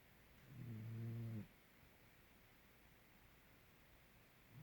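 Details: Snoring during sleep, recorded to show breathing rate: a single low, droning snore on one breath, then quiet breathing in a still room.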